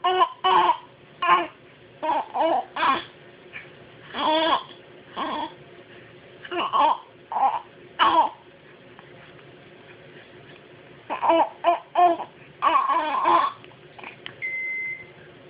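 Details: An infant makes repeated short, voiced throat-clearing grunts in brief bursts separated by pauses, in a quiet room.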